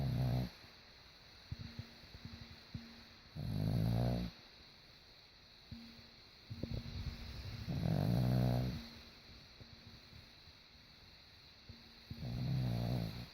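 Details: Tank snoring: deep, rumbling snores recurring about every four seconds, roughly 15 a minute, with quieter breathing between them in a quiet room.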